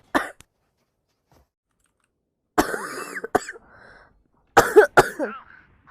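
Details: Girl with a cold who says she is coughing a lot, while live-streaming a video game: three separate bouts of harsh, wet-sounding coughing and throat clearing with quiet between, cough due to a cold.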